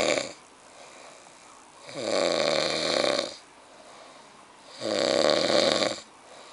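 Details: Very loud snoring during sleep: buzzing snores on each in-breath, roughly one every three seconds, with quiet out-breaths between.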